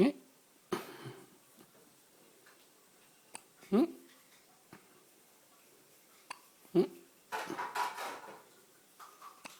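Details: A baby having repeated hiccups, waiting with a visible expression before each hiccup.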